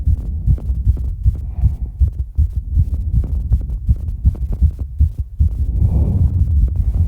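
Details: Very rapid, steady heartbeat around 200 BPM with heavy breathing during recovery from exercise: post-exercise tachycardia.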